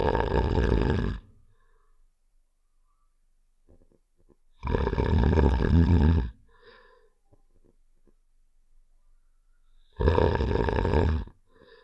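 Three loud, rough, low snoring breaths, each lasting about a second and a half, with quiet pauses between them. Staged snoring sound effect.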